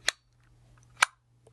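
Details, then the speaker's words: Handihaler dry powder inhaler demonstration with an adult female patient (COPD education): after one capsule is placed in the base, the mouthpiece is closed, giving two sharp plastic clicks. "Now you close up the mouthpiece till it clicks."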